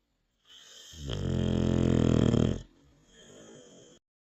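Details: Dog snoring: a long, loud, buzzing snore on one inhaled breath, then a softer second breath; snoring.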